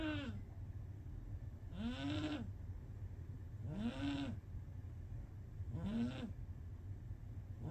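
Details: Sleeping kitten with loud, squeaky snores rising and falling about every two seconds, roughly 30 a minute; snoring.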